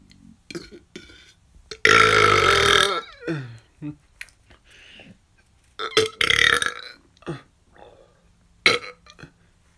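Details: Loud, long voiced belches, one about a second long, with softer belches and throat sounds between; deliberate self-induced repeated burping; burping.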